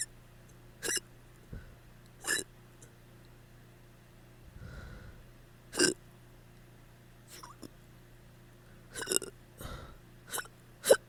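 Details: Hiccups after drinking too much the night before: short, sharp, irregular gulping catches against a quiet room hum, several over about ten seconds.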